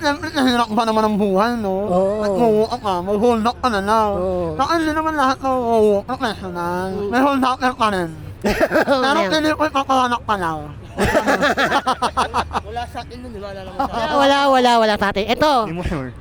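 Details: Filipino adult, self-described 'ngongo' (nasal-voiced), with cleft palate (ngala-ngala) operated in childhood, possibly needing further surgery; hypernasal speech (cleft palate).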